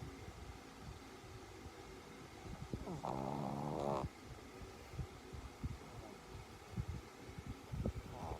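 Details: Shih tzu dog sleeping: soft snorting breaths with one longer rattling snore over low room noise; snoring.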